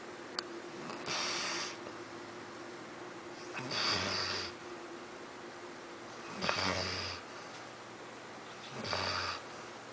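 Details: Labrador sleeping after a busy day and slow to wake, snoring with regular breathy, snorting snores about four in ten seconds, low room hum.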